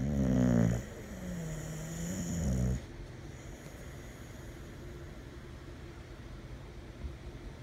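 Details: Two deep, rumbling snores in the first three seconds from a sleeping boxer dog, then only steady background hum.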